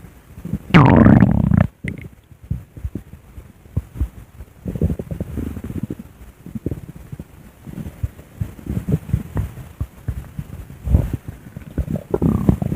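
Low gurgling rumbles and bubbling bursts, loudest near the start, typical of ordinary stomach growling from gas and fluid moving through the gut.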